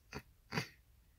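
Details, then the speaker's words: Person with Tourette syndrome during a bad night-time episode of tics who tried but failed to suppress this one: two abrupt, brief throaty snort-like bursts, simple vocal tics. "just then I tried to control that from coming out and I couldn't and it just came out"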